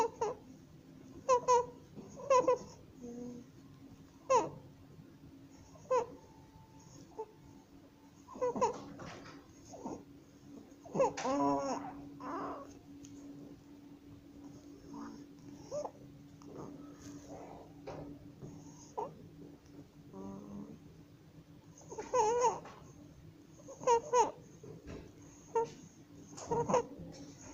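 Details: 27-day-old baby with laryngomalacia, seen by an ENT with nasofibroscopy: repeated high-pitched, squeaky, crowing noises on inspiration; inspiratory stridor.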